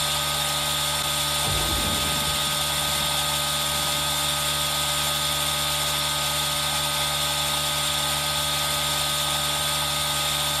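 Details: Aerosol nebulizer running for ASMR with rain sound mixed in, recorded on a Zoom H1n: steady, even hiss and hum with rain-like noise and a brief low knock near the start.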